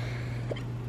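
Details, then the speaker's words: A woman vlogging while moving into a new apartment keeps hiccuping: one brief, soft hiccup against a steady low electrical hum; hiccup. "also I keep hiccuping so if you can hear that on video I'm so sorry I don't know what's going on"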